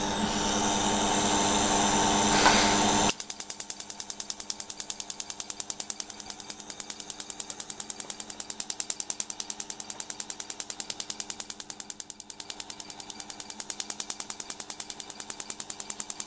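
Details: Laser tattoo removal on straight-edge tattoos: a brief burst of hum, then rapid regular snapping pulses at about 200 a minute as the tattoo removal laser fires.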